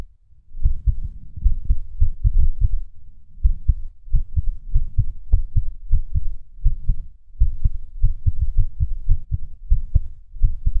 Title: Skippy Heartbeat (4)